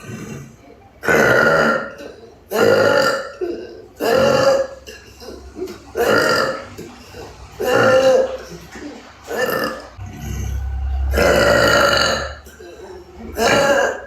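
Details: Burp compilation: about nine loud, drawn-out voiced belches in quick succession, with short pauses between them; repeated burping.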